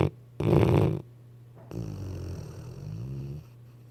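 A loud rough snoring inhale followed by a longer, softer rumbling snore.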